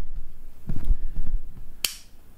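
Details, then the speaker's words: Low mechanical whirring followed by a sharp click: an Omnipod Dash insulin pump pod automatically inserting its cannula, worn by a senior with diabetes who also uses a Dexcom G6 sensor on the arm. "i think now i'll say start and it'll ask me to do uh i know this is it this is good and i'll confirm and now it'll start i can hear that going in"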